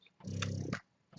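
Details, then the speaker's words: Low, soft motor hum with a brief suction click from a Spectra S2 hospital-grade closed-system electric breast pump, tubing connected, at let-down, its highest and loudest setting; fairly quiet. "so as you guys can see it is not a very loud pump it is actually fairly quiet compared to other pumps"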